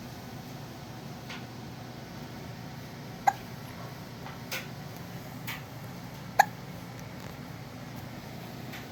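A few sharp, abrupt clicking gulps at irregular intervals against quiet room noise: hiccups.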